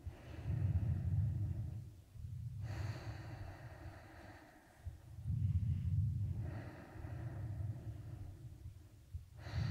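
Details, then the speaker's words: Adult at an annual checkup in a role-switched ASMR exam, stethoscope on the chest during deep breathing: two slow deep breaths, soft low rushing in and out, no wheeze or crackles; normal breath sounds. "There weren't any respiratory murmurs, so everything is okay here."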